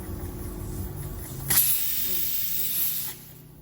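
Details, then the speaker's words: Yuwell 9F-5BW 5-litre oxygen concentrator nebulizer outlet: low machine hum, then a steady hiss of escaping air for about 1.5 seconds. "ส่วนช่องนี้เนี่ยจะเป็นอ่าช่องของเวลาใช้โหมดพ่นยานะคะสามารถใช้โหมดพ่นยาได้อ่ะช่องนี้นะคะ"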